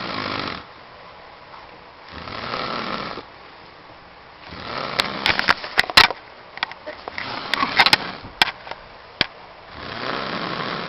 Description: My Father In Law snoring like a crocodile with a blocked sinus